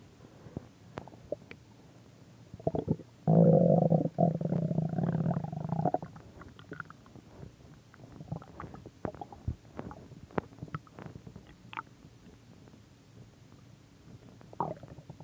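A loud gurgling rumble lasting about three seconds, then scattered small clicks and gurgles; ordinary stomach growling.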